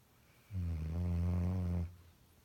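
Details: Dog snoring very loudly: one loud, deep, buzzing snore on a long breath lasting over a second; heavy snoring.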